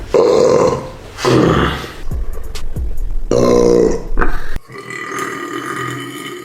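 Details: Man burping: two long, deep, voiced belches with background music and rustling; burping.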